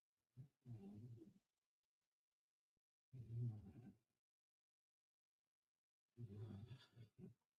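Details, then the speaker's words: Pet sleeping behind the speaker snores loudly; owner likens it to human sleep apnea. Loud, low, rumbling snores about 20 per minute, each separated by a quiet pause: snoring. "It's unbelievable. Like a human getting a little sleep apnea. Like sometimes he'll snore so loud that I'll have to tell him I'll go macho."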